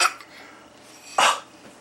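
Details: 8-month-old infant with a bad cough: two short, sharp cough bursts.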